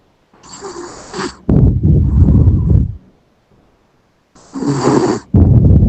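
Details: Yorkshire terrier snoring in sleep: loud rough snorting breaths, a hissing inhale then a rumbling, fluttering exhale, repeated twice.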